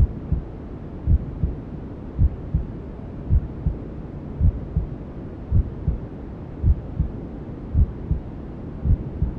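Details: Newborn sleep-aid ASMR: soft, steady paired heartbeats, about 54 a minute, under constant white-noise hiss, a mother's heartbeat imitating womb sounds; heartbeat with white noise.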